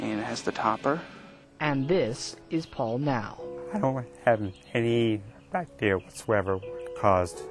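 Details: Man with a rare mixed adductor-abductor spasmodic dysphonia of gradual onset, treated with Botox injections into the throat and speech therapy. Finding: spasmodic dysphonia (mixed adductor-abductor).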